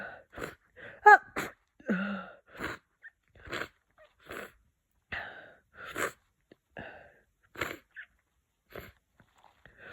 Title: Cold progression 5 - sniffing, congested sneezes